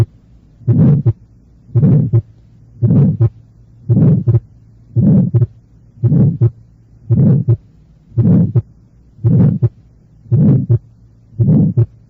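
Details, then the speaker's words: Innocent pulmonary flow murmur: regular heartbeat near 56 a minute with a harsh, medium-pitched systolic murmur ending before a normally split second sound; normal S2 splitting distinguishes it from murmurs of organic disease. "se le distingue de los otros asociados a padecimientos orgánicos por la presencia de un desdoblamiento normal del segundo ruido cardíaco"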